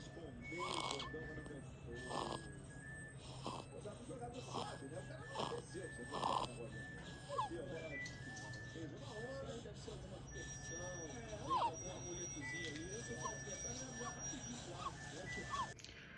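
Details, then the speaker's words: Infant girl with laryngomalacia (soft larynx collapsing on inspiration), improved around 6 months; rapid breathing with a repeated noisy crowing sound on each breath in, inspiratory stridor. "E aí quando a criança inspira, praticamente ela pode fechar, ou quase ela fecha porque ela é mole e aí acaba fazendo um barulho, um estridor que posso deixar aqui o videozinho desse barulho."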